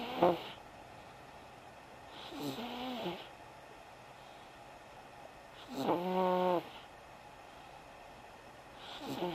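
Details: Son snoring: slow, rattling snores with a buzzy, vibrating tone, about every three seconds over a quiet background; ordinary snoring.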